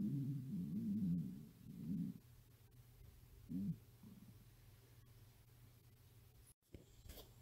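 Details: Stomach growling in a hungry 13-year-old girl: low gurgling rumbles in two or three bursts over a quiet background, a normal bowel sound.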